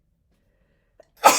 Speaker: Oh, I'm going to sneeze